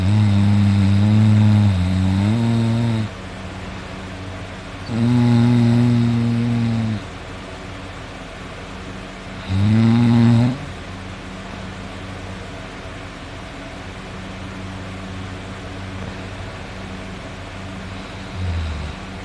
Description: a video of me sleeping at night I was snoring a lot, and I was drooling my snores are so deep and hard but I didn't hear myself snore, until I watched this it kinda embarrasses me but it's funny!!!